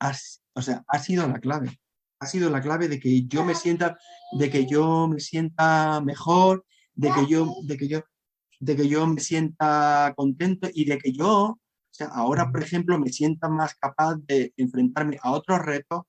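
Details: Adult Spanish-speaking man who stutters, with a constant struggle in childhood and adolescence to hide it: stuttering.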